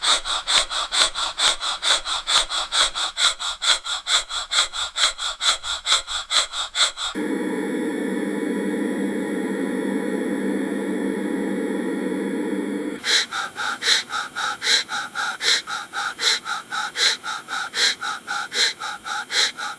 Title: Anesthesia Machine Breathing Loop Sound Effect